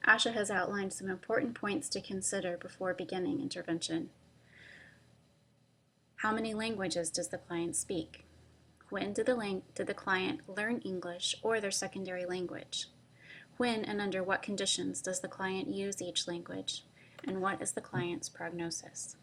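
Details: Adult woman speaking; normal fluent speech.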